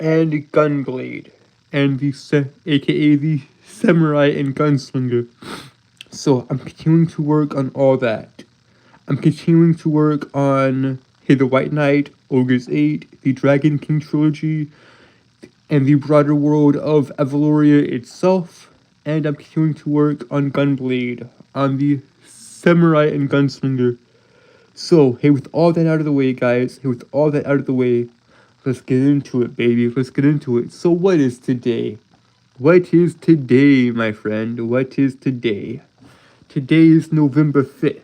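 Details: Lifelong stuttering present since birth in an adult male, self-described as holding syllables rather than repeating sounds; real, not acted; stuttering with prolongations and phrase repetitions.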